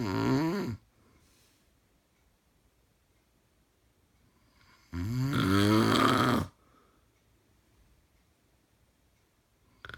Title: snoring 3